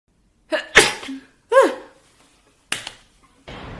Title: Sneezing Girls 14